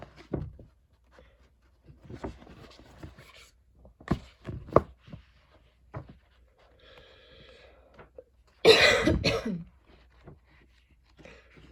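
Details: Person with a lingering, persistent cough, heavy breathing and throat tickles while studying: several short dry coughs at irregular intervals, then a louder harsh burst, quiet breathing between; persistent cough.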